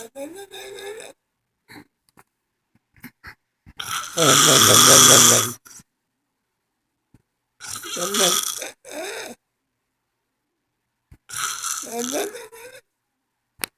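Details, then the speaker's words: Adult woman snoring: loud, harsh, rattling snores on inhalation separated by pauses, with short vocal noises between. "this is what I do all night long"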